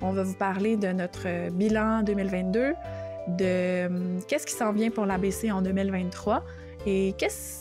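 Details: Adult woman who stutters, with blocks, eye closing and head movements, a doctoral candidate in speech-language pathology; stuttering.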